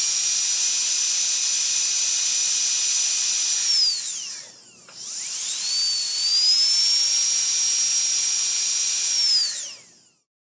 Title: Dentist Drill Start with Various Runs and Stop | Best Sound Effects Free